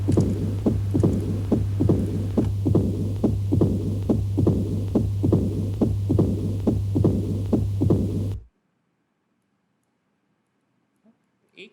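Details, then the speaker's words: Regular, fast heart sounds with S1, opening snap and a steady low rumbling diastolic murmur from a hardened, stiffened mitral valve: opening snap with diastolic murmur of mitral stenosis. "S1 सुनाई दे रही है, opening snap क्या होती है? Stenosis में जो mitral valve है, that is hardened और स्टिफेंड।"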